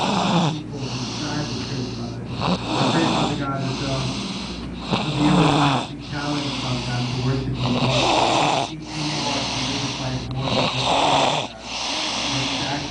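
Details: Snoring: loud, rough, rattling snores on repeated breaths with some background noise; audio only, sleeper not visible.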